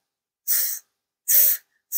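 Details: Demonstrated (acted) frontal lisp: tongue too far forward on /s/, giving a 'th'-like sound; frontal (interdental) lisp.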